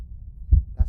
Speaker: okay so here's a normal heart sound so listen carefully and you should be able to detect lub dub lub dub lub dub all right you